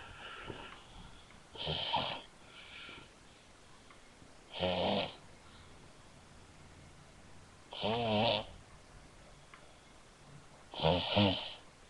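Four loud rattling snores at irregular intervals, roughly 20 a minute, with quiet room noise between them.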